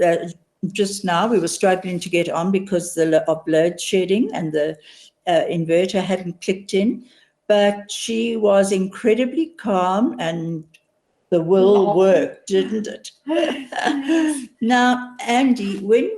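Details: Adult woman speaking; typical speech.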